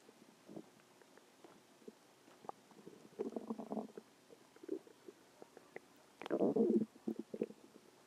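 Quiet gurgles and bubbling rumbles come in short bursts, with a louder growl near the end; ordinary stomach growling.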